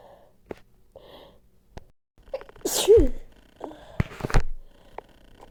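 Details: Sneezing with nose blowing, itching and congestion: a forceful sneeze with a sharp inward catch, then snuffling nose sounds and a few quieter bursts in a quiet room.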